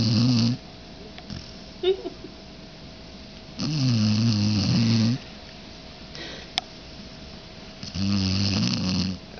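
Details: Dog napping after the dog park: loud rattling snores about every four seconds, roughly 15 a minute, with quiet pauses between; snoring during sleep.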